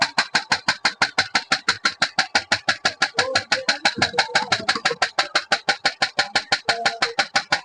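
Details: Jinha HL602 shock wave therapy machine with handpiece switched on in automatic mode in a product demonstration: steady, rapid clicking pulses, about two a second.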